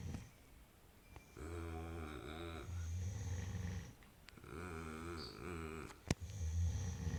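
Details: Repeated low, fluttering snores with quieter pauses between breaths from a sleeping dog in a small quiet room; snoring.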